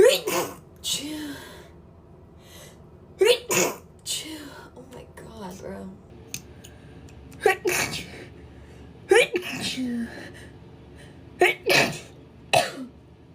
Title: sneeze girl